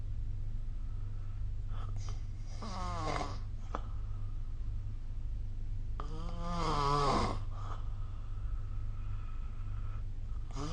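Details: Snoring recorded with the SnoreLab app: two rattling snores on the breath in, several seconds apart, over steady low room hum; ordinary snoring during sleep.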